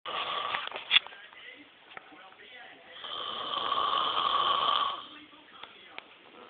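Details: Person snoring during sleep: long, harsh, rattling breaths with a steady drone and a few clicks in a quiet room.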